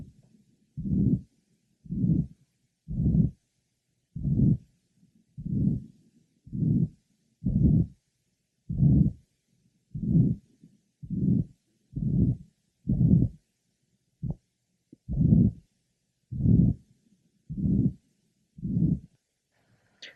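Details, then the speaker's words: Congenital pulmonic stenosis with right ventricular hypertrophy on ECG and X-ray, heard at the pulmonic area: regular heartbeat near 52 per minute with a harsh systolic murmur. "for comparison our next Pati has congenital pulmonic stenosis right ventricular hypertrophy was present on the electrogram and the X-ray whereas our patient with mital Val prolapse had a normal electrocardiogram and cardiac x-ray pulmonic area"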